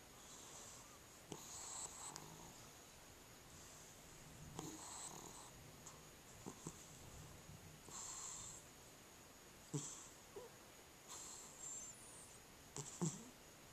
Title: Cat with Sleep Apnea